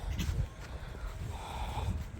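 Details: Small dog with a wheeze-like rattle (хрип) and getting worse gives a few short, snorting cough bursts on an outdoor walk over low wind and street rumble; a vet visit is booked.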